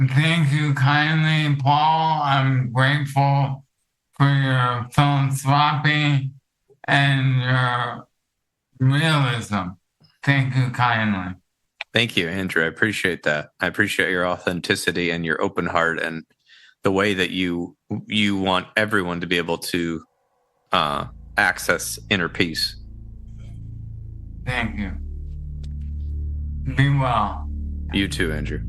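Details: Adult male with ALS affecting his vocal cords, which makes talking difficult; finding: dysarthria (ALS).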